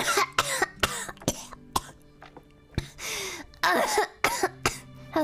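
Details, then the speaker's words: A run of short, deliberate, throaty mucus-sounding coughs and throat clears made on request into a microphone, with faint music behind; voluntary cough. "let's hear what your cough sounds like you want to hear like the the throaty mucus noise"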